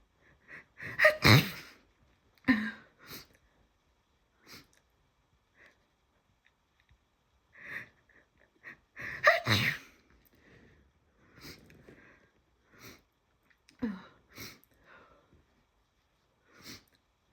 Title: Think I’m coming down with something! Overcome by sneezes!